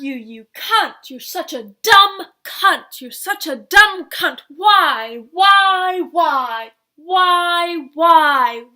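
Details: Adult woman with adult-onset Tourette syndrome (tics began at age 19), vocal tics including swearing and repeated words; vocal tics change over time while motor tics stay mostly the same; vocal tics with coprolalia.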